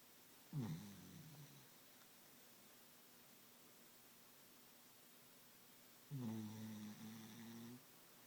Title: Darcy snoring her head off